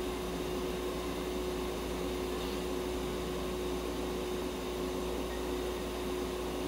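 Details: Budgerigar under veterinary treatment receiving oxygen therapy inside an ICU unit: steady mechanical hum and airy hiss with a constant low tone; no bird sounds audible.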